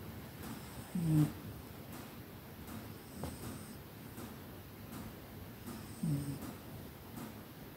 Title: Cat snoring during his afternoon nap.😴💤 I'm glad I was there.